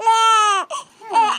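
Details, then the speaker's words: Two-week-old baby boy, seen at his 2-week checkup and circumcised the same day, gives a clear, tonal wail, a brief catch, then a second rising cry, called his milk cry; hungry newborn cry. "that's the milk cry. That's the milk cry. That's Mama. I need milk."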